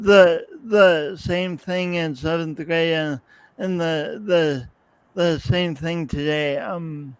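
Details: Man's real speech impediment with coordination differences, self-described; he says practice may make him clearer over the years but the differences persist; speech impediment (disfluent speech).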